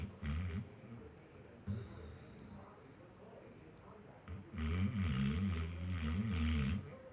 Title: Marley the Basset snoring